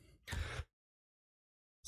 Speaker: Excuse me, I'm still dealing with a chesty cough here.